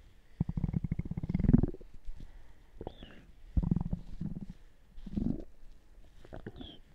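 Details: Typical stomach gurgling: low, bubbling gurgles and rumbles in several bursts over a few seconds; bowel sounds (borborygmi).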